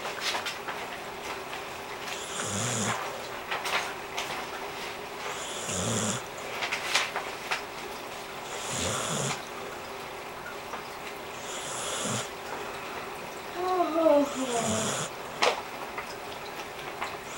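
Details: Sleeping subject; rhythmic breathy snores about every three seconds, roughly 20 a minute, with a faint whine near the end; snoring.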